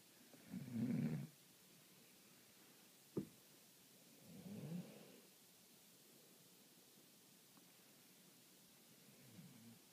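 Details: Mother asleep: low rough snoring noises on breathing in, with a faint click between, in a quiet room; snoring.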